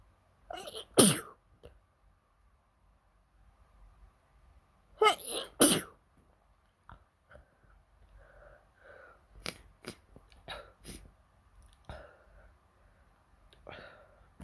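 Two sharp sneezes in quick succession, each preceded by a sharp intake of breath, followed by sniffing and quieter breathing.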